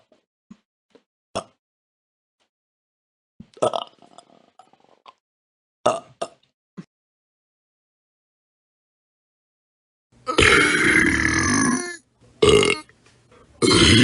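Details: Short clicks and gulps, then long, loud, rumbling belches with brief gaps, from a royalty-free sound-effect compilation: burping.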